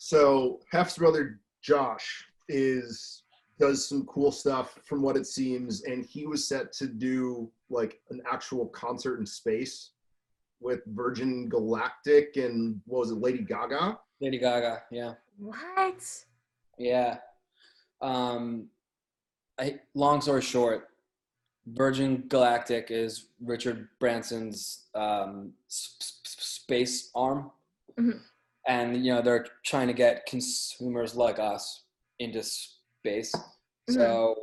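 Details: Adult man speaking; normal speech.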